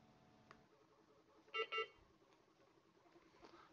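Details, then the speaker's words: Two short electronic beeps from a patient monitor in remote-mode testing. A patient simulator is set to a simulated tachycardia of 160 bpm, and non-invasive blood pressure has just started. Quiet room noise. "so my heart rate's 160 so i'll put it in here 160"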